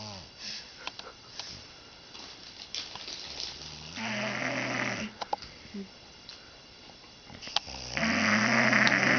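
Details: An adult snores loudly and roughly while drunk, with rattling noisy inhalations building and fading over several breaths in a small quiet room.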